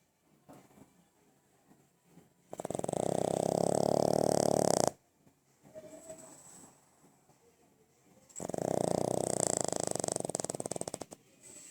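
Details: Pug snoring and making noise while sleeping: two loud, rattling, fluttering snores on the in-breath, with softer snuffling between them.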